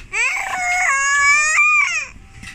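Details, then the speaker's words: Loud, clear wailing cry from an infant boy, rising and falling in pitch; ordinary infant crying. "No, he looks so cute when he's crying."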